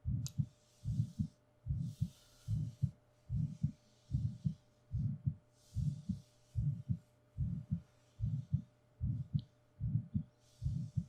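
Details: Steady, regular paired low thumps at about 74 beats a minute with faint breath noise between, an adult's own heartbeat recorded binaurally for relaxation; an ordinary heartbeat.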